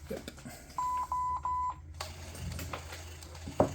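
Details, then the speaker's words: Infusion pump alarm: three steady, equal-pitched electronic beeps in a quiet room while a 15 mg push is run over 2 minutes with the line cap still on. "press run run B infusing and I have my cap on so it's probably going to alarm at me"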